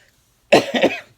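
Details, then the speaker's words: Adult with seasonal bronchitis from pollen allergies and postnasal drip into the lungs, with difficulty breathing and a minor wheeze, coughs. "Due to my allergies, I get postnasal drip, which gets into my lungs, and then it causes the seasonal bronchitis where I have difficulty breathing, so I cough."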